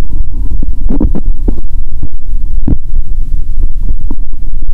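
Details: Bowel sounds recorded through a stethoscope on the abdomen of a person fasting over 15 hours, before drinking cola with Mentos.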